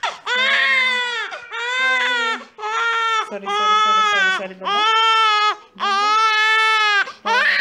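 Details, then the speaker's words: Six-week-old baby boy crying at a hospital after his six-week vaccination injection: loud, tonal crying in repeated wails with brief gasps between; he cried less than his mother expected. "we are done and the bee has cried but not so much"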